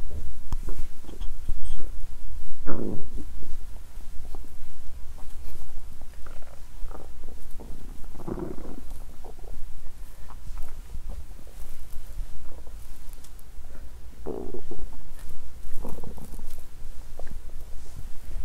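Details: Bowel sounds from a stomach that growled loudly after exercising on an empty stomach, which made the person feel unwell, with digestion sounds also included.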